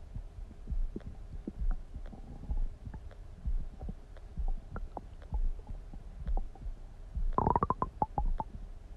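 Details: Bowel sounds (borborygmi): gurgling, bubbling stomach noises with low rumbles and a brief squeaky burst near the end.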